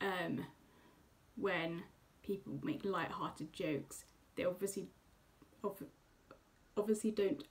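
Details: Woman who stammers; she previously had a more prominent, less controllable stammer; stammering.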